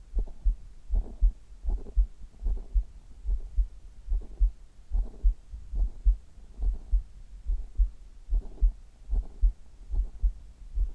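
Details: Steady, regular low double thumps at about 73 beats a minute: an adult's heartbeat recorded over the chest.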